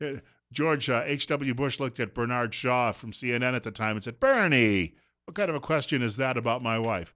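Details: Adult male radio host; Normal voice.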